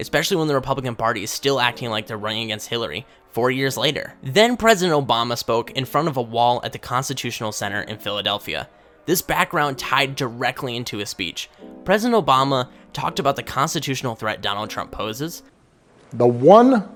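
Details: Adult male speaker; normal speech.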